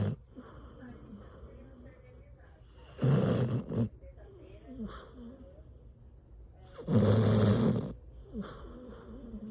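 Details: Very loud snoring: rough snores on each in-breath, about every four seconds, with quieter breathing between; snoring.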